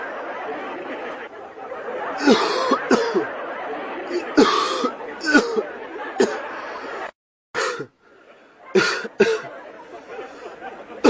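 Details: Person coughing, with their dog reacting: several short, harsh cough bursts, some in pairs, over constant room noise; ordinary adult coughing.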